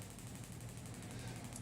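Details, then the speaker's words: Gymna Shockmaster 300 with a 15 mm convex head, 2–2.5 bar at 12 Hz, with gel, firing over Osgood-Schlatter bony overgrowth at the patellar tendon end of a mature knee (growth plates closed): a rapid, steady train of sharp popping pulses. "apply some gel to the area to be treated and then bring the shock wave onto the ozone slatters it's a bony overgrowth at the end of the patella tendon"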